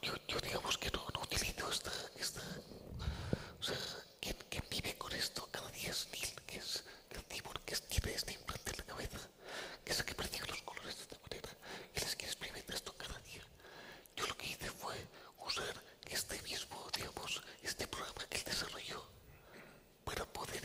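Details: Man with the neurological disease dystonia, which in his case impairs control of his neck movements and can affect other body parts; he speaks without voice tone, in a whisper: whispered voice (aphonia) due to dystonia.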